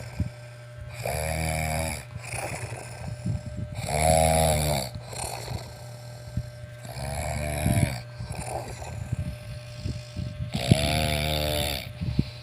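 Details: Loud, rattling snores on each in-breath, about four in twelve seconds, with a steady low room hum; snoring.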